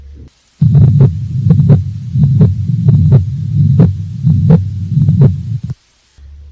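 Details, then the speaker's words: Heartbeat about 85 a minute with a high-pitched blowing holosystolic murmur, best heard at the apex (left fifth midclavicular line), radiating to the axilla, not louder on inspiration; mitral regurgitation murmur. "now in micro regurgitation the murmur is described as high pitched blowing holosystolic murmur which is best heard at the apex although the direction of the radiation of the murmur depends on the nature of the mitral valve disease it usually radiates to the axilla"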